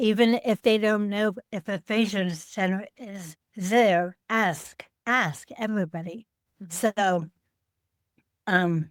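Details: Adult woman with aphasia after a stroke on Thanksgiving Day 2012, 13 years earlier, affecting word-finding and making speaking harder.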